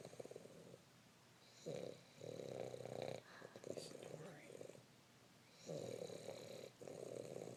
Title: Mac snoring